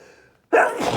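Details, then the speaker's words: Strong sneezing fit in a man after using a strong irritant that burns the nose; short breath in, pause, then one loud explosive sneeze. "Wow. Talking actually helped that sneeze come out right there."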